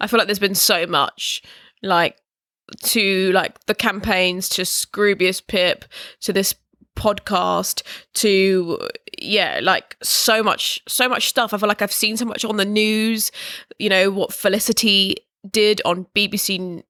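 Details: Stammering in an adult, in conversational speech.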